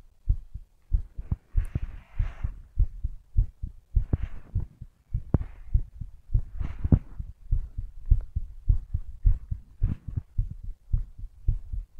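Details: Strong heartbeat: quick, thudding beats at about 100 a minute, with some faint rushing noise between them.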